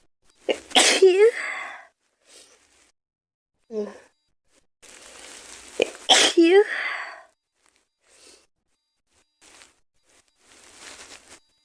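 Two sharp, forceful sneezes, each preceded by a quick inhaled buildup, with quiet gaps and brief breaths between.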